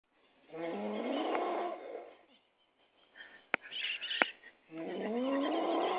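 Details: Man snoring while asleep at a friend's house: two long, rasping, rising breath noises separated by a quiet pause with a few clicks.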